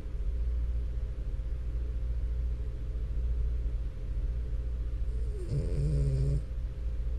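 Continuous low rumbling, snuffling breathing while asleep, ending in a brief louder snort near the end.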